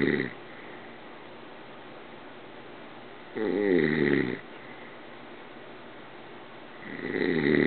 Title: Dad snoring on the couch